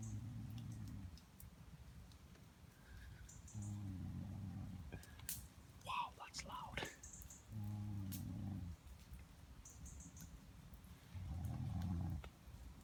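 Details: Adult man snoring while wild camping outdoors: loud, low rattling snores on each in-breath, about every four seconds, with quiet gaps and faint outdoor sounds.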